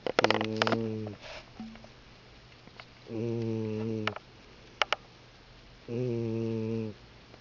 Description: My cat snores really loudly and for some reason I find that funny.